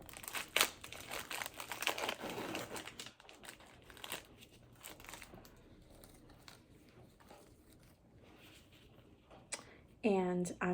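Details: Crinkling and tearing of plastic and paper in a quiet room: a syringe package (25–27 gauge needle) opened by a gloved student during a subcutaneous injection demonstration.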